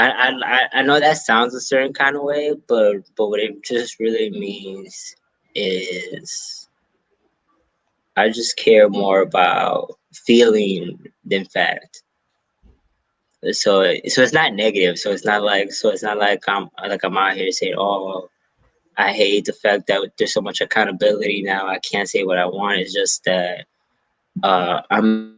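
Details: Stuttering in an adult male stand-up comedian who says he has a stutter; real, spontaneous interview speech.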